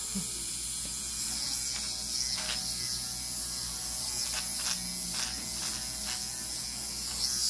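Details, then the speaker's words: Dermapen microneedling pen running during a stem cell facial with hyaluronic acid and PRF, area kept moist: steady high buzzing motor with faint rhythmic ticking as it moves over facial skin. "just pitching in together I always like that little sound it means I have just the right amount on there"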